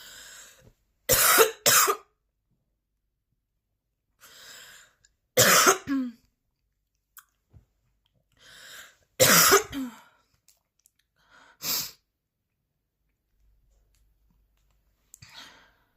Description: A 10-minute video featuring an extremely intense and persistent coughing fit.